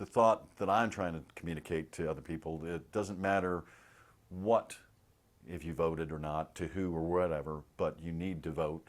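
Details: Adult with aphasia, an aphasia group member; aphasia.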